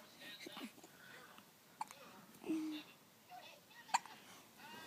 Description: Baby hiccups